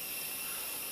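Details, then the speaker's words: Steady high-pitched hiss of gas flow through a CPAP device in a practical demonstration, with a manometer on the pressure chamber; 20 L/min of gas flow gives about 5 cmH2O continuous positive pressure, and raising it to 30 L/min gives about 10 cmH2O. "Et on peut voir dans ce cas qu'avec 20 litres par minute de débit de gaz, on génère une pression positive continue d'environ 5 cm d'eau."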